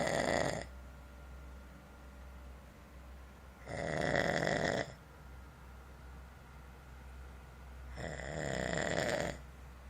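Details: Person snoring: loud, harsh rattling snores on each breath in, about 15 a minute, with quiet pauses between; steady snoring.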